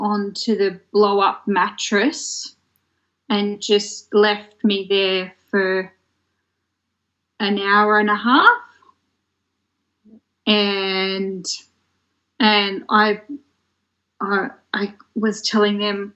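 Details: Woman who developed aphasia after a stroke in 2016 at age 33, in long-term recovery; aphasia.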